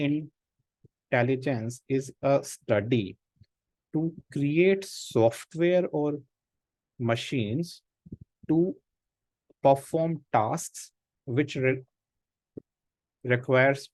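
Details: Real stammering in an adult man, a senior volunteer of an Indian self-help association of people who stammer, with blocks, prolongations and word repetitions during an online talk; stammering.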